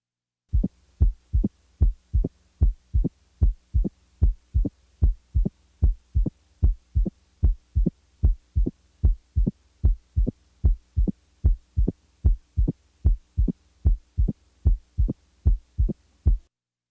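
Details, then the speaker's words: Opening snap recorded at the apex in mitral stenosis, regular rhythm about 75/min; crisp high-frequency extra sound 60–100 ms after S2, wider than a ~30 ms split second sound. "note that the interval of the second sound split is narrower about 30 milliseconds than the distance between the s2 and the opening snap 60 to 100 milliseconds"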